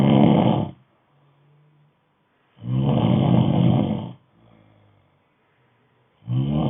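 Loud, rough, rattling snores on each breath in, with quiet breaths out between them; about ten breaths a minute.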